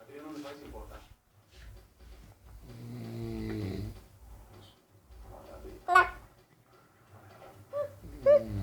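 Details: Father snoring in the background while a child talks: low rumbling snores partly masked by the child's voice and room noise; ordinary snoring.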